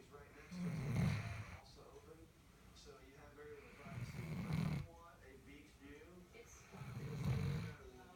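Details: Sleeping Labrador Retriever puppy: three loud, low rattling snores at even intervals, about 22 a minute, with quieter breathing between; snoring.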